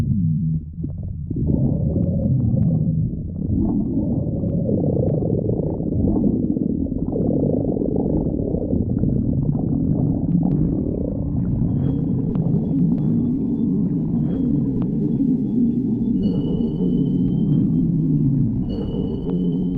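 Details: Stomach growling (borborygmi): continuous low, rolling gurgles and rumbles.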